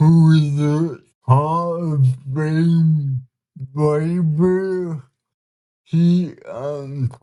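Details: 32-year-old man with cerebral palsy whose body resists him, making communication hard at times; listeners found him hard to understand at first; dysarthria.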